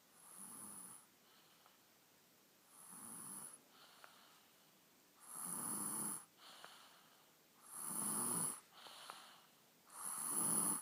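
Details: Boy snoring while sleeping soundly after eating chocolate cake.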